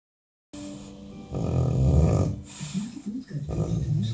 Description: Borbulldog is sleeping and snoring very loud. While dreaming the bulldog is barking contentiously.